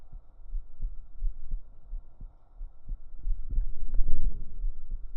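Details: Real heartbeat recorded close up on a woman's chest with binaural microphones for ASMR; soft low thumps partly masked by hum and rustling; heartbeat.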